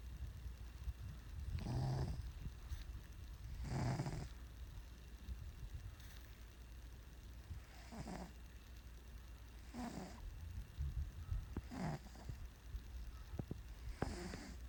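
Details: Sleeping cat snoring: soft, breathy snuffling snores repeating every two seconds or so over faint room noise.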